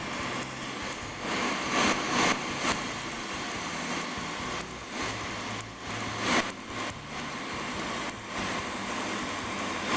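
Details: Second color tattoo removal session, laser treatment before reds, orange and maroon, with cold air cooling; rapid snapping laser pulses in bursts over loud steady hum.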